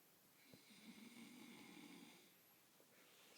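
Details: A single drawn-out, rattling, creaky, low buzzing breath from a sleeping male who is being slapped and does not wake; snoring.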